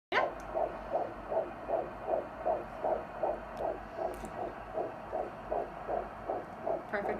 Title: First time hearing the heartbeat